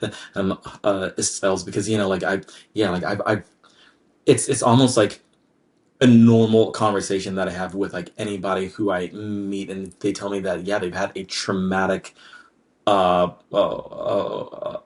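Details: Adult man with lifelong, anxiety-based stutter present since childhood, triggered mainly by word-initial B, P, D and hard G sounds, drawn-out M sounds, humidity and background noise; stuttering.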